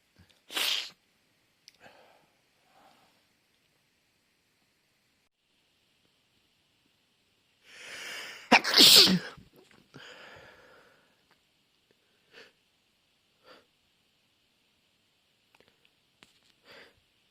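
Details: Sneezing fit: two forceful sneezes, each preceded by a drawn-in breath, separated by quiet, with soft sniffs afterward.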